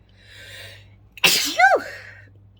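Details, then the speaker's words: Sneeze induced by sniffing chhinkni powder, nose tickled: soft inward breath, then one explosive sneeze with a brief voiced trailing sound in a quiet room. "that tickles so much excuse me to everybody who says bless you every time thank you so much um i love it when people bless you when you sneeze"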